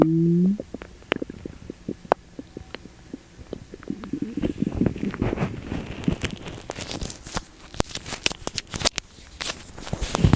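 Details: Loud borborygmi of an upset stomach after eating sugar-free gummies: continuous gurgling and bubbling with frequent pops and squelches.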